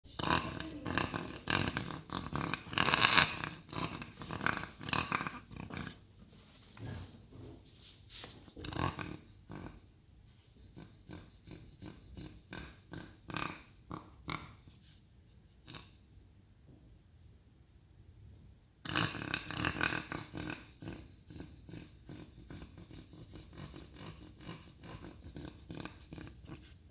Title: "Гусиный гогот"; БОС или коллапс трахеи. "Goose-honk" cough; BOS or tracheal collapse.